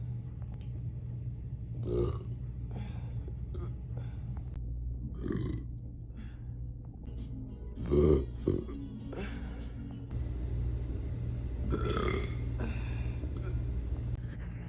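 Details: Female burping compilation: several low, rumbling burps over background music, with brief voice sounds between them.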